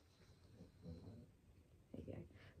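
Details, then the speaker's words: Soft, low rumbling snores from a big old basset hound sleeping in a quiet room: dog snoring. "I'm sorry if you can hear snoring. It's the big old basset behind me."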